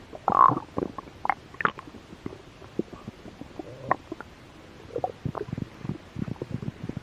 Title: Stomach growl. I was a little hungry.